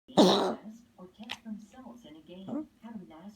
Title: coughing